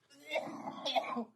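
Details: Eighteen-year-old male with cystic fibrosis, a progressive genetic lung condition, during home physiotherapy with percussions: forceful cough.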